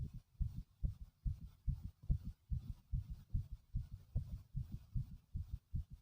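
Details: Pounding heartbeat of an adult male: strong, regular, heavy low thumps with faint background hiss.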